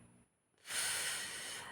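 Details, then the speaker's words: Loud, hissing, snorting breath rising and holding after a quiet moment, snoring heard in the background during a recording. "Je sais pas si vous entendez ronfler là."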